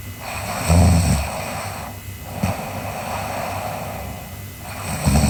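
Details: Sleeping girl: low, rough breathing noises with a couple of louder snorting bursts over steady room hiss; snoring during sleep.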